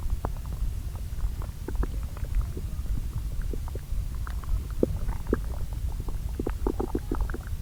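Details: Recordings from two areas of the lower intestine, overlaid. Steady low churning with frequent soft gurgles and pops: normal active bowel sounds of digestion, described as not too noisy.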